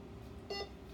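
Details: Single short electronic beep over faint room noise as the switch button is pressed to step through rate and time modes on a Practivet infusion pump during training; an infusion pump keypress beep.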